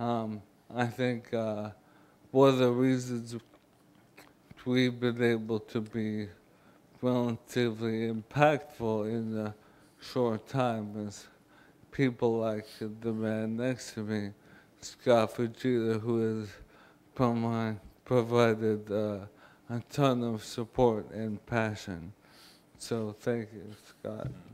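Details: Adult man, former professional football linebacker, with ALS diagnosed January 2011, speaking in May 2012 (about 16 months after diagnosis); progressive neurodegenerative disease; dysarthria (ALS).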